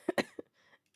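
Three quick coughs in close succession from an adult woman, a short harsh cluster; a lingering productive cough following flu.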